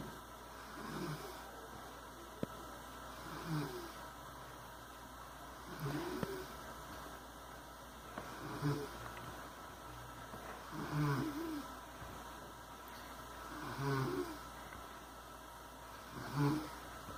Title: Roncando